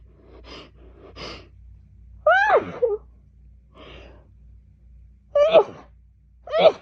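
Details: Woman sneezing all day, attributed to fall allergy season: about five quick, partly stifled sneezes in close succession, each preceded by a sharp intake of breath; sneezing fit.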